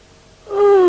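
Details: Quiet, then a drawn-out rising voiced sound, the start of a yawn: a very deep breath in, described as taken when tired and carbon dioxide in the lungs rises.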